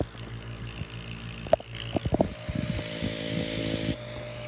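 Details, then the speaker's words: Home nebulizer compressor running during a setup tutorial for use with a child: a loud, steady mechanical drone with a few knocks and handling bumps, which is the normal sound of the compressor operating. "it's kind of loud a little bit of steam will be coming out and it's just like that as you can hear it's a little bit loud I will say the machine is loud"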